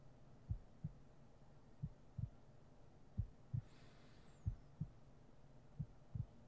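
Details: ASMR role-play heartbeat audio: soft paired lub-dub thumps at roughly 45 to 50 beats a minute over faint hiss, with a brief high squeak; a slow, resting normal heartbeat.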